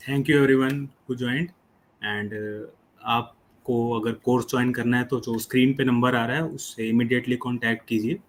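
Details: 25-year-old man who stammers, improved after a fluency course but still reports occasional blocks; stuttering (prolongations).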